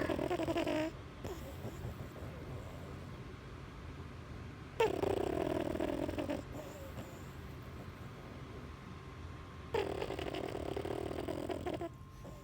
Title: Snoring French bulldog puppy